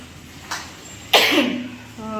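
A faint short puff, then one sharp, forceful cough in a quiet small room, with a voice starting just after; a cough during a cold.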